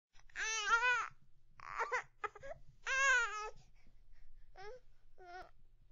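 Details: Young infant crying in strong, high-pitched wailing bursts with brief pauses and softer fussing in between. Free sound-effect recording.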